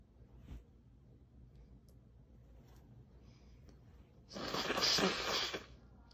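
One loud sneeze muffled by a towel, after a quiet stretch.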